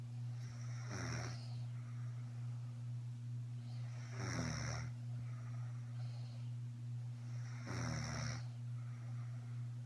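Three rough, rattling snores about 17 a minute over a steady low hum; ordinary snoring.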